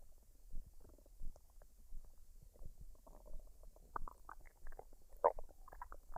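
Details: Woman's belly after a fried rice and duck dinner, unedited with no added sounds: quiet, irregular gurgles and squeaks; normal bowel sounds of digestion.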